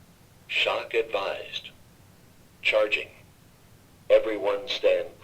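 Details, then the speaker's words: Two-rescuer CPR training with an AED: synthetic voice prompts advise a shock, tell everyone to stand clear, say to push the shock button, then say to begin 5 cycles of CPR; no real shock is delivered. "Everyone stand clear. Push the shock delivered. Begin 5 cycles of CPR."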